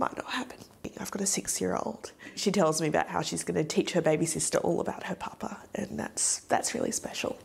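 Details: Adult woman; typical speech.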